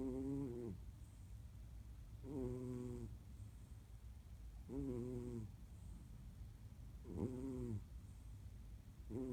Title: Snoring Shmoo